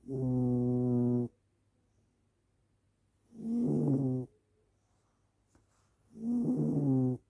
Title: Gently snoring cat